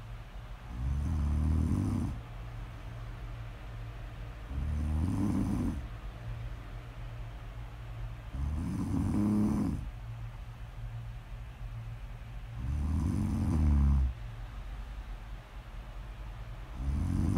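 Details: Snoring: steady rumbling snores, five in about seventeen seconds, roughly fifteen breaths a minute, with a low background hum.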